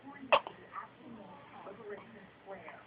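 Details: Nephew with hiccups he couldn't stop: a sharp, brief catch of breath with a small voiced gulp, then quiet breathing; a hiccup.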